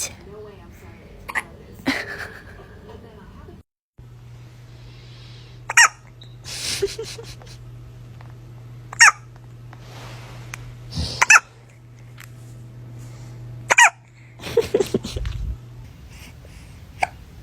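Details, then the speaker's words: Newborn baby hiccups: short, sharp hiccups recurring every two to three seconds in a quiet room, with an adult voice. "You had the hiccups? Yeah, do you had the hiccups?"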